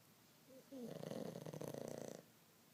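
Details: Snoring on a rainy day: a single long, rattling, vibrating breath sound, loud for about a second and a half, typical of a snore.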